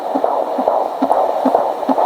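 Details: Home fetal Doppler at 18 weeks of pregnancy with a baby boy, mother 35, first child, no movement felt yet: rapid, regular whooshing fetal heartbeat of about 140 a minute, with the baby moving.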